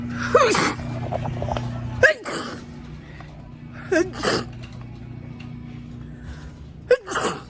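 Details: A girl sneezes four times, each a quick vocal intake followed by a sharp explosive burst, over soft background music.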